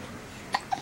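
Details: Greta talking and hiccuping, recorded 11/30/09: two short, abrupt voiced hiccups against steady background hiss; hiccups.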